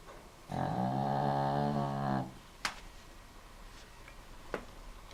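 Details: Benny, a dog, gives one drawn-out, low buzzing snore of under two seconds, followed by a couple of soft clicks in a quiet room; snoring.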